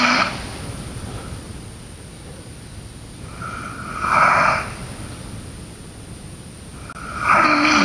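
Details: A sleeping girl snoring: rough, rattling snores on breathing in, about every three to four seconds, with quiet breathing between.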